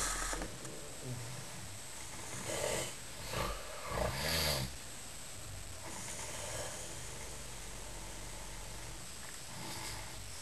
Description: This dude was sleeping on the bunk underneath mine at Stirling Youth Hostel on Saturday 19 and Sunday 20 May 2007. He had the most disgusting snore I'd ever heard.